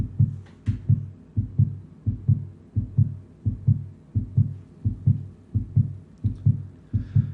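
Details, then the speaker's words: Regular lub-dub heartbeat at about 86 beats a minute, played loud as a teaching demonstration, with normal first and second heart sounds. "So heart sounds. You have to know what causes the heart sounds. What is called the lub-dub?"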